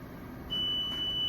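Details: A steady, high-pitched electronic tone starts partway through as a Monsoon jet ventilator powers on during set-up with an endotracheal tube for histotripsy, demonstrated after a case with no gas flowing; an ordinary start-up beep.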